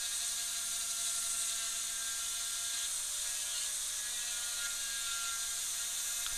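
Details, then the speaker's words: Dental drill: steady high-pitched whine of the bur cutting, dropping the mesial box and extending the isthmus in a Class II MOD preparation on tooth 29, a mandibular second premolar; bench teaching demo. "I'm just gonna come through and break through on that just to the diameter of the burr there we go"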